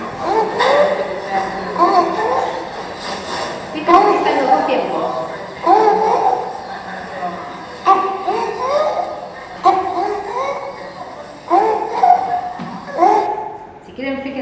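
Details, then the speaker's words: Biphasic stridor in a pediatric patient, indicating airway narrowing immediately below the vocal cords. "este es un esdor bifásico estamos hablando inmediatamente debajo de la cuerda vocal"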